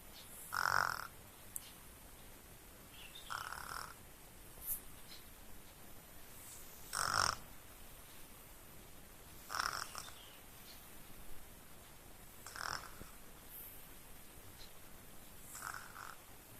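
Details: Snoring in a sleeping baby: soft, rhythmic snoring sounds, about nine a minute, over faint room noise.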